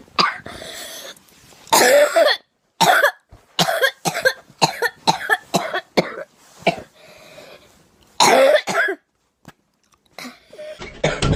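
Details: Adult woman giving a run of about a dozen harsh, explosive coughs in quick fits with short pauses; cough.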